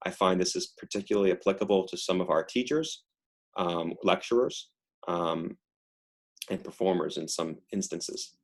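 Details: Adductor spasmodic dysphonia in a female patient reading the Rainbow Passage: involuntary, painless, very strained, strangled, squeezed voice from task-specific spasm during speaking.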